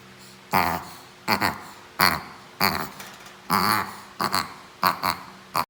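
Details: A 7-month-old Shih Tzu makes a run of harsh, snorting bursts, about eight in six seconds; the owner asks whether this is reverse sneezing.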